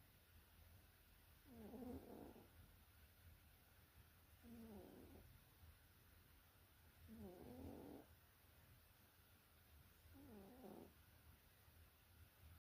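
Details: Sleeper after a hard day: four soft, rough snoring breaths, about 21 a minute, over steady room hum.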